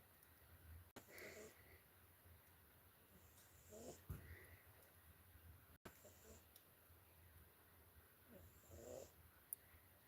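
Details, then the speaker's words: Soft, rough snoring breaths, about one every two and a half seconds, from a sleeping cat named Lucky, recorded with the microphone held right next to him. "He's so funny. Your cat always makes noises in their sleep. Stratus does sometimes. He goes like, but Lucky doesn't usually, but he's really snoring."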